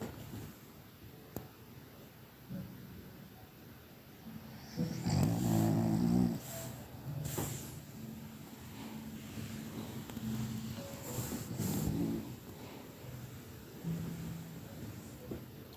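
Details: Soft rhythmic snorting breaths with low rumbling from a small puppy asleep while swaddled in a dressing gown sleeve; dog snoring.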